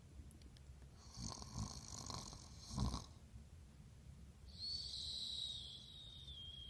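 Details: Snoring sound-effect recording: soft snoring breaths with a hissing exhale and a whistling note.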